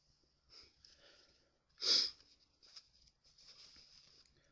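A single sharp sneeze muffled into a tissue, with soft sniffing and rustling before and after; an ordinary sneeze.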